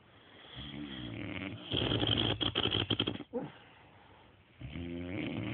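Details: Loud, rough snoring from a sleeping person, with a harsh rattling stretch in the middle and buzzing breath sounds on either side.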